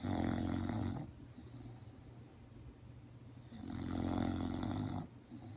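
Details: Sleeping subject, tired after dressing up as Elmo for Halloween, snoring: two loud, rattling snores on the in-breath separated by quieter breathing.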